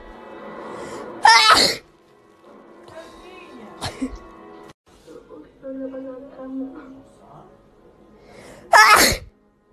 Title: Cute Girl Sneezing 5